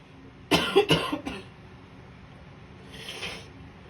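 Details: An adult woman, congested and blocked up in the morning with a virus after two weeks of flu, gives a quick run of three wet coughs while trying to clear it, then a faint sniff or exhale. Congested cough.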